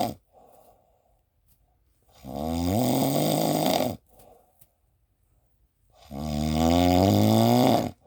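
Loud, rough, buzzing snores on each in-breath, about two in eight seconds, with quiet out-breaths between; snoring.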